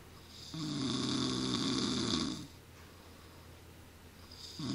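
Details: A man who says he doesn't snore: a long, loud rattling snore on breathing in, then a quiet exhale before the next snore starts; heavy snoring.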